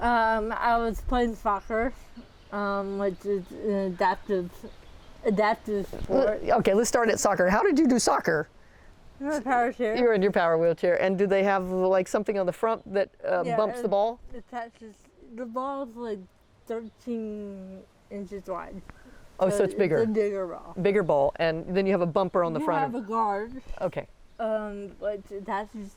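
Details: Two adults in conversation; conversational speech.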